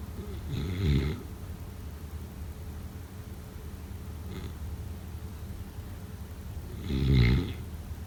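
Two loud, low, rattling snores about six seconds apart, with a soft one between, over a quiet hiss. Snoring during sleep.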